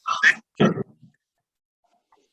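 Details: Patient shown in a neonatal tracheostomy care session: two harsh, grunting, high-pitched noisy breaths, then a pause and the start of another, inspiratory stridor from upper airway narrowing.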